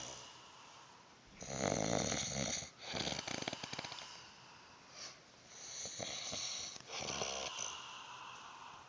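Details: Loud, harsh rattling snoring in repeated bursts with quieter pauses between, from a sleeping adult homeless shelter resident in a small quiet room.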